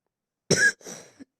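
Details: Cough from a person who says they have fallen ill and apologizes for coughing during game commentary: one harsh, moist-sounding cough burst, then a softer trailing cough.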